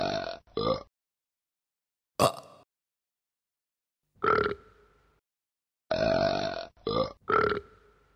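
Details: Kids burping: several loud, voiced burps in separate bursts with silence between; ordinary belching.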